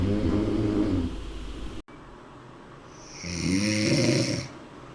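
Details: Snoring: loud, buzzing, rattling snores on the breath in a quiet room; ordinary snoring.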